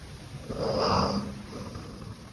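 A single soft, snuffly snore from a sleeping dog, with a faint whistle, over a steady background hiss.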